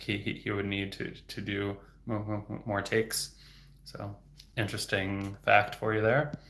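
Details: Real stuttering in an adult male speech-language pathologist who stutters, heard stuttering openly.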